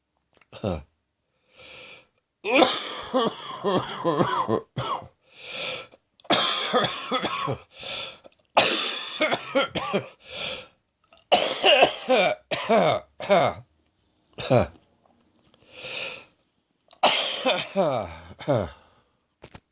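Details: Evening chesty cough during a chest infection: repeated harsh, rattling cough fits in runs, with audible drawn breaths between, typical of a productive cough.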